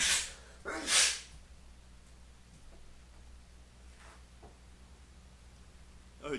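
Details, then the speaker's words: Adult's loud, forceful sneeze during a live online class: a sharp intake then an explosive hissing burst, followed by quiet; sneeze. "jeez apologies i'm sorry if i scared you or any pets that you have that had to hear that my sneezes can be quite violent"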